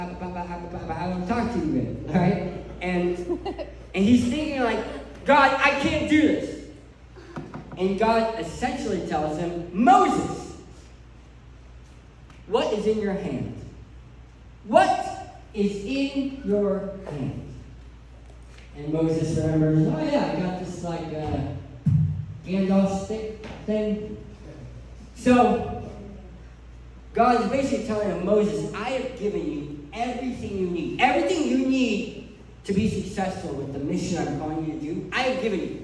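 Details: Adult male who lost 80% of his tongue to cancer, with a permanent speech impediment: articulation disorder after partial glossectomy.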